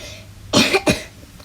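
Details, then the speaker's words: A mother with a cough since yesterday, starting to feel sick and with a very dry throat: two short dry coughs in quick succession in a quiet room, seemingly acted. "lately I've been having the cough since yesterday, and I'm starting to feel a little bit sick and my throat is really dry."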